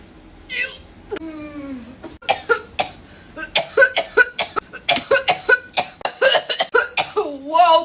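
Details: An adult's coughing fit after the first long vape hit ("blinker") of the day: a drawn-out, strained voiced exhale, then a rapid, irregular run of many short, harsh coughs.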